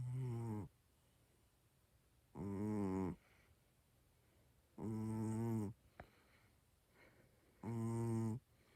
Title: Cammy Snores And Twitches While Sleeping.